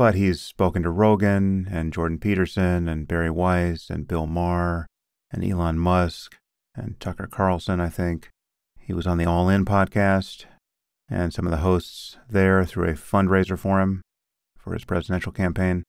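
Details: Adult male speaker; ordinary speech.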